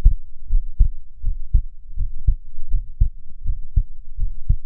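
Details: Nearly unedited real heartbeat of a person whose heart tends to run fast, breathing slowly to keep it calm. Steady, regular paired thumps at about 78 bpm: normal heart sounds at the upper-normal resting rate.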